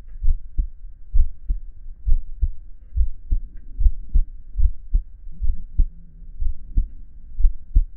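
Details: Steady, regular low lub-dub thumps at about 68 beats per minute from a relaxing adult male listening to his own heartbeat; normal heartbeat.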